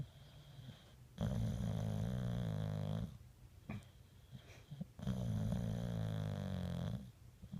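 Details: Dog named Sam asleep: two long, low, rattling snores on the in-breath with quiet pauses between; loud snoring.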